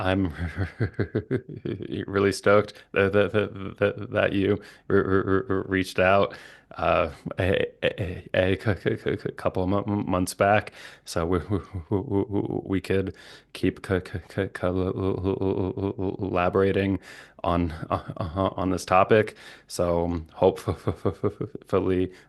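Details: Stuttering with sound, syllable and word repetitions and blocks in an adult male speech-language pathologist who stutters.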